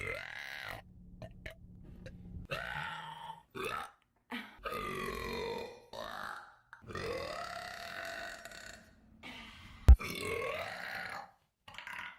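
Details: Several long, drawn-out voiced burps from a woman, with short pauses between, some resonant and croaky; repeated belching.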